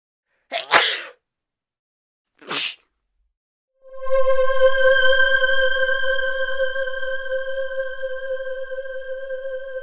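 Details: Sound-effect clip, not a real patient: two sharp sneeze-like bursts, then a long sustained musical tone to the end; simulated sneezing.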